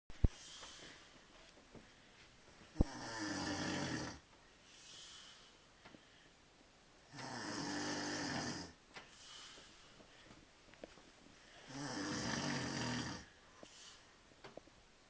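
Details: Husband snoring: loud, rattling snores with each in-breath, about 13 breaths a minute, with softer out-breaths between.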